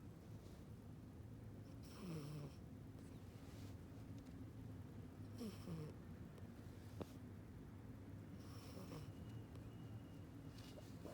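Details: Sleeping cat snoring: soft, regular snores, about 20 breaths a minute, over steady room hum.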